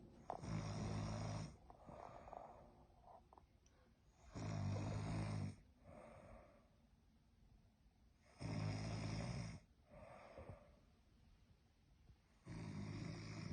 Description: When you snoring thats how you know you sleeping good 😂 #deepsleep #gone #lmaoo